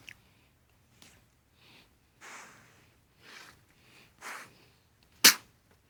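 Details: Deer sneezing: short, sharp bursts of air through the nose, likened to an air nailer, ending in one loud explosive snort-sneeze.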